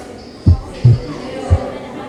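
Low, dull heart sounds in a slow rhythm, about 56 a minute, with a single second sound during inspiration. In left bundle branch block the second sound splits paradoxically: it is split on expiration and merges into one sound on inspiration. Faint background hiss.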